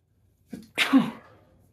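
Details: A quick in-breath followed by one loud, explosive sneeze that trails off; a single sneeze.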